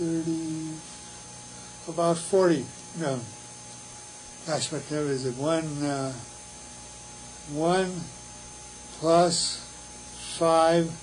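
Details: Wernicke's (fluent) aphasia, fluent but largely meaningless speech; Wernicke's aphasia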